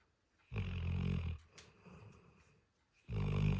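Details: Sleeping dog snoring: two deep, rumbling snores with a quieter breath between them.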